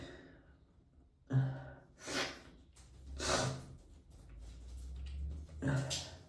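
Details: Several sudden, explosive sneezes, each after a quick in-breath, with snorts between them, sneezing onto a CD.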